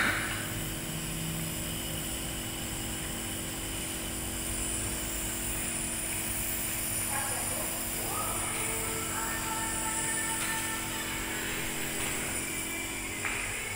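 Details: Compressor nebulizer running for about 10 minutes during a child's therapy for cough and cold, to ease breathing: steady mechanical motor hum and rattle, with faint room noise.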